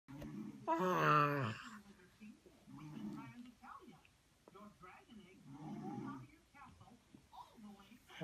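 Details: A person imitating her grandmother's snoring: a loud voiced snort, then rough, low rumbling noises repeating every few seconds in a quiet room.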